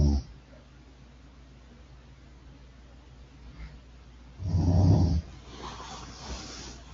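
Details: Snoring: quiet low breathing, then one loud, rough, low snore about half a second long, followed by a softer breath.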